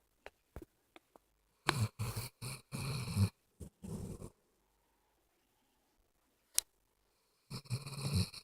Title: My Snoring Canine ~